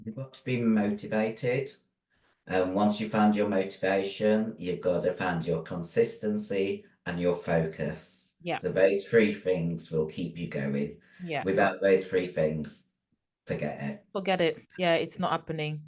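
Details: Female bodybuilder with androgen-induced voice deepening (virilization) after taking large doses of male steroids (performance-enhancing drugs). Her voice was formerly high-pitched and is now very deep, and she can no longer sing. She also has chronic kidney disease from drug use.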